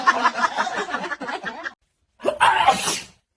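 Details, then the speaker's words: A father's loud, forceful adult sneeze, made playfully for babies who giggle and try to copy it: a drawn-in breath, then the sneeze burst after brief vocal sounds, followed by "Oh my gosh, that was huge… Bless me." An ordinary sneeze. "OH MY GOSH, THAT WAS HUGE. ACHOO! Bless me."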